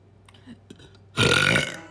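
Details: Loud, drawn-out burp lasting about half a second after brief quiet noises; burping.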